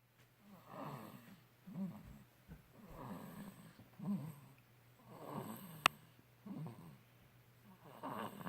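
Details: 2-month-old snoring: soft, rapid, noisy snuffling breaths with light rattling, repeating over faint background noise.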